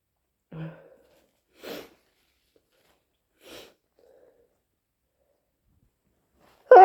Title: More loud, wet cold induced sneezes plus sniffles and blows